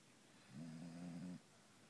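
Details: Beagle snoring: a single low, rumbling snore lasting under a second in a quiet room.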